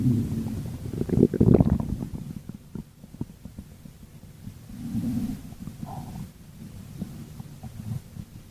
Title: Bubble stomach growl